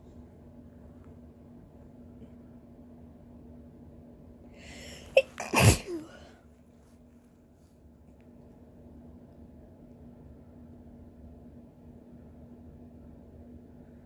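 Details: Deliberately self-induced sneeze: a quiet room, a short intake of breath, a single sharp, forceful sneeze, then quiet again.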